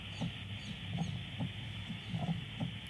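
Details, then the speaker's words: 42-year-old woman with palpitations and atrial fibrillation, mitral stenosis: fast, irregular low heart thumps with a soft low-pitched diastolic rumble between beats. "on physical examination you will heard a low pitch decrease endocracendo type of murmur Delta picks"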